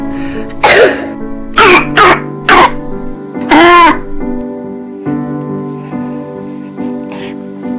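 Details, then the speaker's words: Viral croup in a child: harsh, barking coughs, five in quick succession, over background music; other symptoms fever and fatigue. "Entonces la tos puede deberse a crup viral. El tratamiento consiste en descansar, aire humidificado, líquidos y consultar al pediatra."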